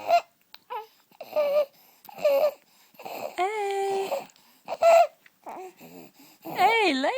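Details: 6-week-old infant girl with laryngomalacia cooing and babbling, with a high-pitched, musical crowing noise on breathing in; inspiratory stridor.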